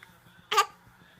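A single brief, abrupt voiced gulp typical of a hiccup, with quiet background talk.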